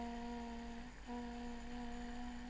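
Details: Smooth, easy sustained 'ee' vowel during laryngoscopy, bilateral vocal fold nodules after 25 days of voice treatment: sustained phonation with vocal fold nodules after voice therapy.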